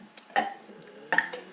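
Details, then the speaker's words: Boy in an informal burping contest: two short, gurgling belches about a second apart; voluntary burping. "um right now um david is going to be doing a burping contest so well not a bourbon condo it's just going to be burping"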